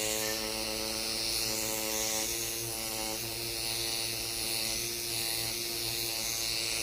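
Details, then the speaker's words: Microneedling pen running over the posterior neck, under the ears and along a lateral line during neck rejuvenation with stem cell growth factors: continuous electric buzz with steady hum and shifting pitch. "I really try to make sure that when I'm doing the neck we're doing the posterior neck as well and underneath your ears and we do a lateral line"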